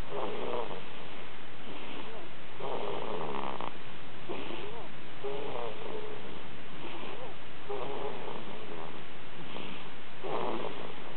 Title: Snoring Baby